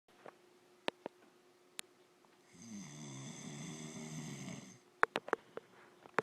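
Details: A sleeping adult man gives one long, rattling snore on an in-breath, with quiet room and a few clicks around it; snoring.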